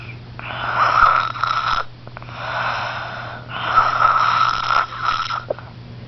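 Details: Loud, rough, rattling breathing in long repeated cycles with quiet gaps between; snoring during sleep.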